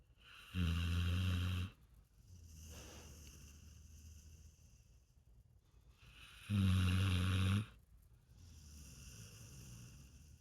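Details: Dog snoring while awake: two loud, deep, vibrating snores about six seconds apart, with softer rumbling breaths between them.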